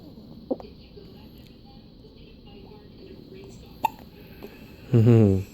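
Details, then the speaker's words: Baby's first hiccups: two brief sharp hiccup sounds in a quiet room, then a short infant cry or fuss. "You got the little hiccups? Ooh. Say hi. Hi, everybody. Hiccup. Yeah, you got the hiccups."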